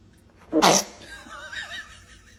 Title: Baby sneezes 🤧 #shorts #vieal #baby #foryou